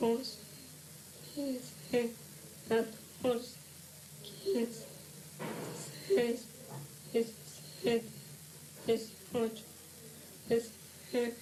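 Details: 17-year-old with significant emotional stress, one month of evolution, at initial evaluation before treatment; intermittent whispered voice and soundless articulation alternating with normal voice; psychogenic dysphonia.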